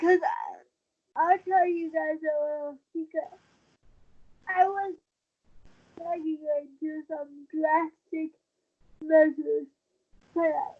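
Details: Dysarthria in a 23-year-old woman with cerebral palsy since birth, born premature at 27 weeks, a more advanced form affecting the brain's balance center; wheelchair user who links prematurity to her speech instability.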